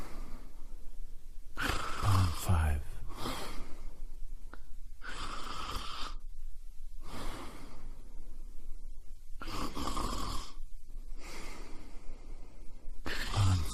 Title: Snoring compilation 48